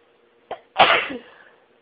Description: Another one of my sneeze fits. It started off fairly slowly but I threw some stifles in and they always make the tickling and tingling in my nose so much more intense and the sneezing became really rapid and really took my breath away.